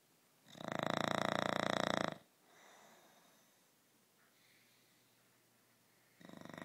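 A long buzzing, fluttering snore, a softer one after it, then another snore starting. A sleeping dog snoring.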